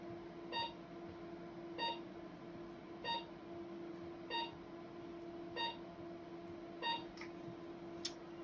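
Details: Radiofrequency microneedling self-treatment on the face with a 25-fine-needle handpiece: short electronic beeps at regular intervals, about 48 a minute, over a steady hum, signaling each energy pulse.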